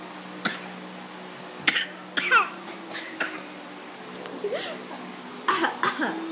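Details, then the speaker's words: Young boy deliberately fake coughing to get what he wants: several short, deliberate cough-like bursts mixed with vocal sounds while adults talk. "You fake coughing. He fake coughs. He does. Okay. We fake it. We fake cough."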